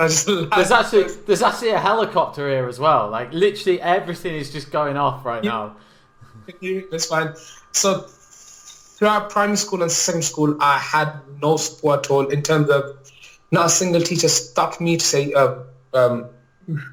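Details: Adult male teacher with a stammer since childhood, which he describes as neurological, mainly blocking on words and sounds and worse when nervous; stuttering (stammer).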